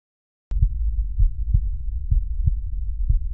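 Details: Cardiac auscultation teaching demonstration over valve auscultation foci, stethoscope: regular low thumps, clear paired heart sounds, about 95 a minute; normal heart sounds.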